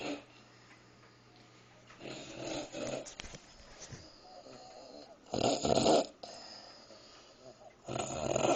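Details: Sleeper who fell asleep while eating a midnight snack, heard as a dog, makes loud, irregular, rough snorting snores with quieter breathing between and some background noise; snoring.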